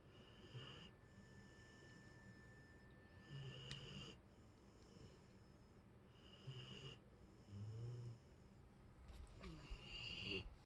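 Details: A sleeping Boxer dog snores with low, rattling snores recurring every few seconds in a quiet room, about 15 to 20 a minute.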